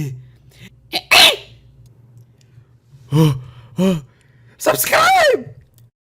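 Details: Several short vocal bursts, then a sharp explosive sneeze-like burst and a final drawn-out vocal burst over a low steady hum; sneezing.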